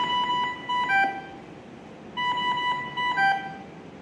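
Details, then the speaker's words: Repeating sets of high electronic alarm tones from a Dräger Savina mechanical ventilator placed in standby when ventilation is stopped; the alarm sounds each time and must be reset to silence. "al detenerlo siempre va a sacar la alarma de que el ventilador hace paz se colocó en modo espera entonces hay que darle reiniciar la alarma para que el residencia"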